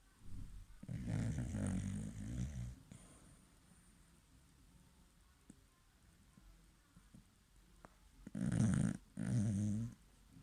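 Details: Sleeping dog snoring: three low, rumbling snoring breaths with quiet pauses between them.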